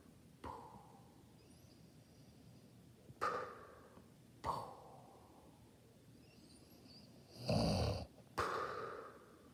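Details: Sleeping woman (nanay): several rough, fluttering breath noises a few seconds apart, with quiet gaps between them in a still room; snoring.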